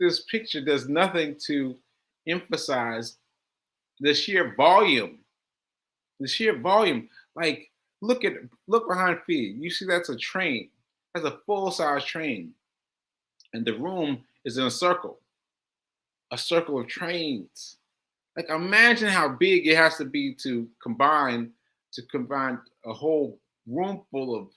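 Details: Aphasia in a male host, about six months into recovery since July; he reports language difficulty when trying to communicate.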